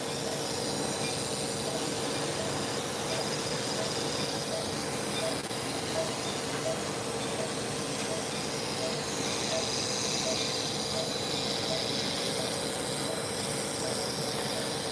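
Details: Fractional CO2 laser resurfacing on a young male face right after brow lift and eyelid surgery, metal eye shields in place: constant hissing airflow with soft regular beeps about 80 a minute.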